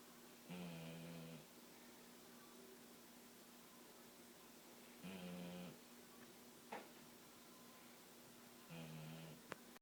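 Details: Boxer dog snoring while asleep: three slow, buzzing snores on breathing in, about four seconds apart, over a steady room hum.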